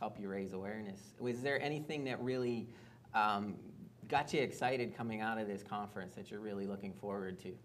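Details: Adult man; typical speech.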